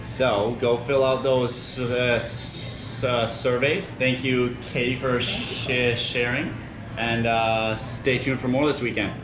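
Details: Male host interviewing at the 2019 convention of a national association for young people who stutter; stuttering.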